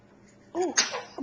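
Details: Sneeze from a 3-month-old baby boy, nearly 15 weeks: a short voiced intake followed by one sharp, hissing sneeze burst in a quiet room.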